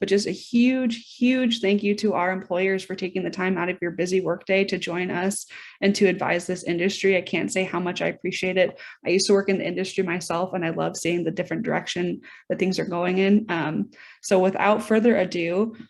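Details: Adult speaker; normal voice.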